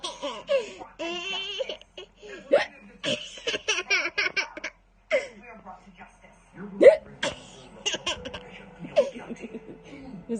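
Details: Sudden short gulping catches, about three, from a child with the hiccups, amid a child's laughter and adult talk in the background; hiccups.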